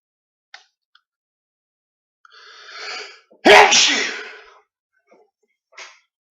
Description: Some loud, uncovered sneezes. All real, but induced and edited slightly.